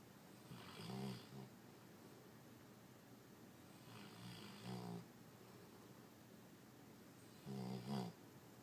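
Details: Sleeping dog; three rough, rattling snores a few seconds apart, each with a vibrating in-breath, over quiet room noise: snoring.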